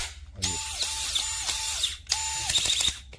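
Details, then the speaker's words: ConMed Hall 50 dual-trigger modular battery-powered surgical drill (high-speed and high-torque modes) running: high-pitched motor whine in repeated short trigger bursts with brief pauses. "끝내줍니다 그래서 뭐 이걸 들려면 드릴 수 있고 한데"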